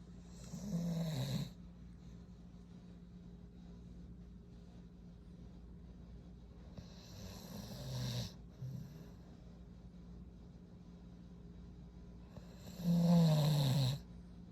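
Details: A sleeping pit bull dog, tired after a full day of activity, gives three low, rumbling snores about six seconds apart, roughly 10 breaths a minute, over steady room hum; snoring.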